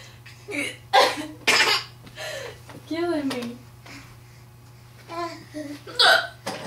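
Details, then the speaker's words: Hiccups: several short, abrupt hiccup sounds interrupted by voice and the laughter of someone who finds them funny. "He's laughing at my hiccups. He thinks they're very funny."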